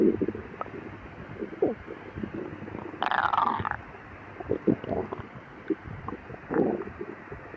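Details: Hungry stomach growling after a 12-hour fast, in a person with severe lactose intolerance; irregular gurgles, low rumbles and one longer squeaky growl; borborygmi.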